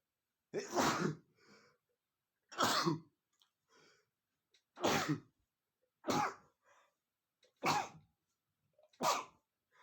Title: male sneezing #31 (I sniff red peppers and sneeze powerfully ! )